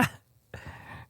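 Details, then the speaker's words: A short sharp burst then a softer breathy trailing sound: an adult man deliberately faking a sneeze, an imitated, not real, sneeze. "Sometimes I would just walk around and fake sneeze so Wendy would bless me, because greater is he that's in her that's in a witch. So I'll just give you a fake sneeze."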